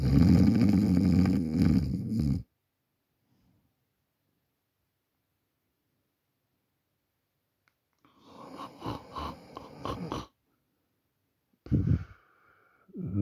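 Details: An adult who fell asleep while recording on a Samsung Galaxy A40 phone: a loud, low rumbling snore, then a long pause and quieter fluttering breath sounds; snoring.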